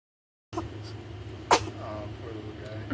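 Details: An infant gives a single short, sharp sneeze over a steady low room hum; sneeze.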